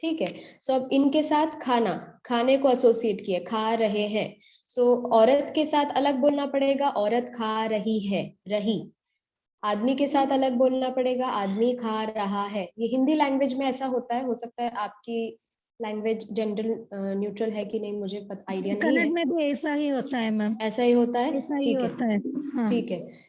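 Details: Adult woman speaking Hindi; Normal speech.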